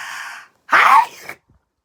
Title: Three cold sneezes